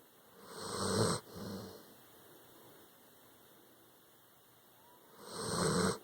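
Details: Tired pup snoring after an anxious hurricane day: rough, rattling snores on the in-breath with softer out-breaths, about every five seconds, in a quiet room.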